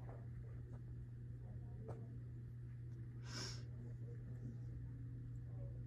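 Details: Normoactive bowel sounds heard by stethoscope over the right upper quadrant of a female patient in a student nurse abdominal assessment, with striae noted on inspection: a steady low background hum with one brief soft gurgle midway through.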